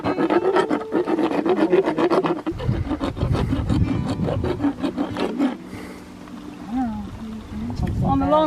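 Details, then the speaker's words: Loud, rapid, rhythmic rasping and grinding of a vibrating powered dental float as a rescued mare, never before checked by a dentist, chews on the tool during equine dental filing; described as not painful but unpleasant. "Je lui demande juste de mâcher mon outil. Maintenant, elle sait ce que c'est, elle l'a senti. Ça vibre beaucoup dans leur tête, ça ne fait pas mal, ça vibre."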